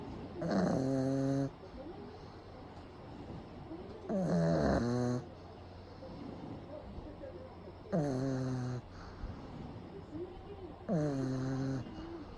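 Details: Pug sleeping during a daytime nap with eyes rolled back showing the whites, recorded close up; loud, regular buzzing snores on each breath, about 16 a minute, typical of a flat-faced dog.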